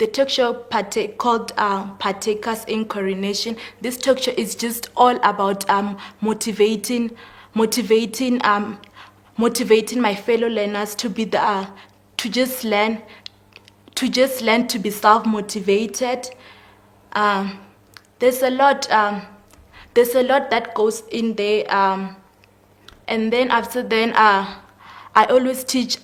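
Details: 19-year-old female grade 12 learner with stuttering; stuttering.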